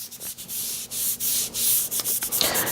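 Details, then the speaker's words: Quick repeated rubbing and swishing strokes as a hand rubs kinesiology tape (Rocktape) onto skin over the knee, for runner's knee or patellar tendonitis, using friction to make it stick, especially where tape overlaps. "rip a piece of the tape backing off and smooth out the tape rub it over it and the friction again will make it stick again you want to really rub well on areas where the tape is overlapping and that will make it stick better"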